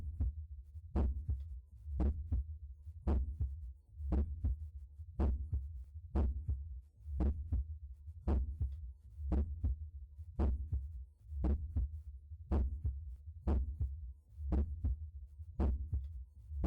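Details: Normal heart sounds at the mitral area: steady lub-dub at about 60 beats a minute.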